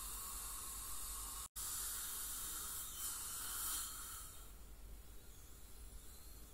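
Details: Professional teeth cleaning by a dental hygienist on a patient with heavy plaque and tartar, possibly scaling for gingival inflammation or full mouth debridement; steady high hiss of water spray and suction with a brief break; ultrasonic scaling.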